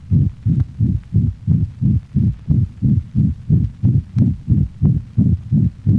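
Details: Dog with ventricular septal defect: rapid, regular heartbeat about 170 a minute, each beat a loud, harsh, low holosystolic whooshing murmur over the mitral and tricuspid regions with little radiation, like mitral insufficiency.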